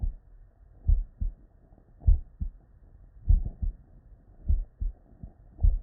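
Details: Real, unedited bedside human auscultation from a patient with normal cardiac physiology; paired low lub-dub at about 50 beats a minute with no added sounds: normal first and second heart sounds.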